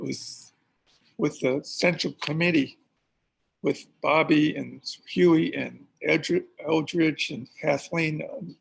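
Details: Man who reports having a speech impediment, with the cause he gives unclear, speaking at a graduation event; speech impediment with disfluent speech.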